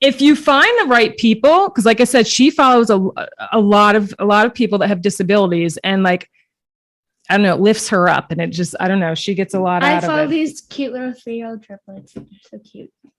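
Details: Adult woman speaking; ordinary speech.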